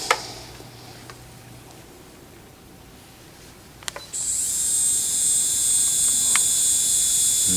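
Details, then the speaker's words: A dental implant initial drill runs on a simulation model with a steady high-pitched whine after a few clicks, with a low RPM setting noted as too low for drilling. "그래서 어스 걸 이용해서 위치를 잡는데 이렇게 이쪽에다가 포인트를 이용해서 드릴링을 하는 건데 지금 어떤 문제가 있죠 RPM 너무 작죠 이거는 드릴을 할 수가 없는 RPM"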